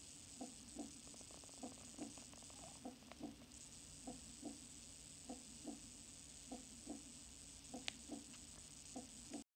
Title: Heartbeat